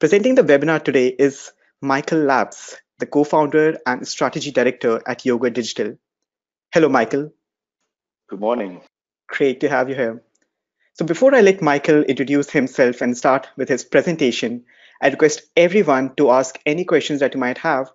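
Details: Adult speaker; normal voice.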